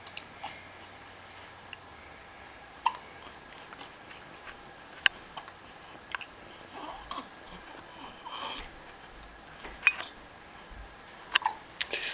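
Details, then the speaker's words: Girl, smiling and comfortable after her shower, with about five brief, sharp catches scattered over twelve seconds in a quiet room; hiccups. "She's smiling. Looks like she's smiling. Someone has hiccups."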